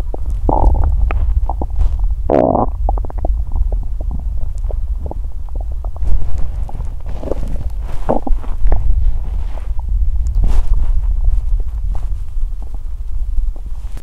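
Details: Low, deep gurgles and rumbles rising and falling in bursts, with squelchy bubbling between them: loud, active stomach growling after exercising on an empty stomach, which left the person feeling unwell.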